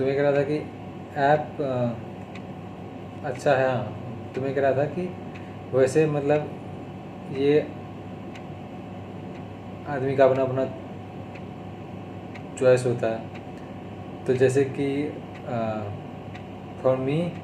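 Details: Adult male who stammers, on day 32 of speech therapy, speaking Hindi; stuttering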